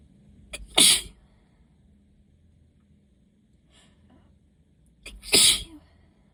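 Two sharp sneezes about four seconds apart, each with a short in-breath before the burst; repeated sneezing from allergy.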